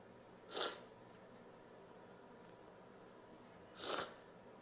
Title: More sneezes, noseblows and showing snot (F)